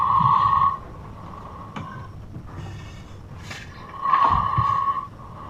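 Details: A sleeping brother gives two very loud, harsh breaths about four seconds apart, each with a high whistling tone over a rough rumble; loud snoring.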